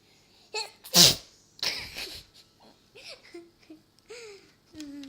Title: ME SNEEZING!!!